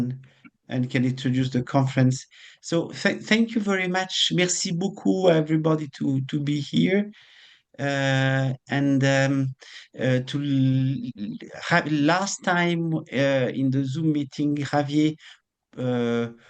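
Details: Adult man; normal speech.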